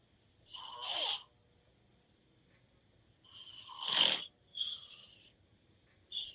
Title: Loud snoring 😴 boyfriend open mouth snore